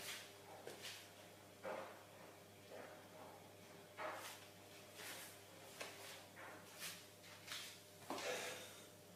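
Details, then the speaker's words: Adult male deliberately sneezing on camera, sneezing fetish video: a run of short, sharp nasal sneezes and snorts, about eight bursts in nine seconds, eyes watering afterwards; repeated sneezing. "Oh, not finished. I'm going to sneeze. It's not out. Oh, that's not done. I just know it's not."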